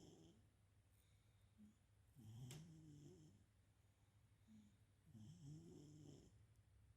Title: Cat's snores.